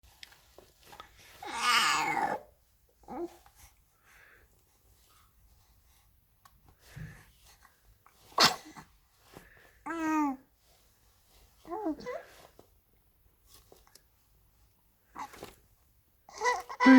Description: Angel face newborn boy sneezes and smiles like crazy.